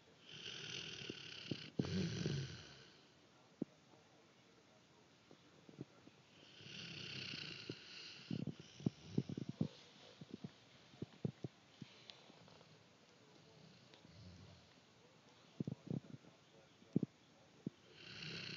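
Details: Dog snoring heavily, louder than in an earlier recording: loud, rough snores about every five seconds with snorts and small clicking noises between breaths; snoring.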